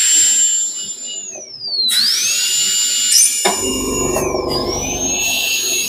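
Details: Portable dental unit with inbuilt scaler, pneumatic air rotor handpiece demonstrated running: high-pitched whine that dips and recovers as the speed changes, with a low machine rumble.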